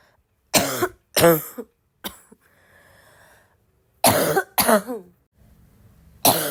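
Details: Five harsh, loud, wet-sounding coughs in two pairs and a single, with short quiet gaps, from a girl who is still sick and coughing a lot; tagged as a barking cough and coughing fit.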